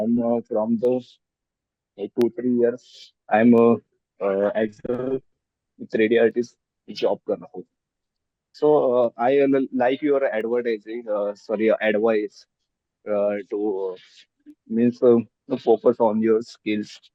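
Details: Adult woman with stammering since childhood, speaking in a podcast interview. Stammering (stuttering).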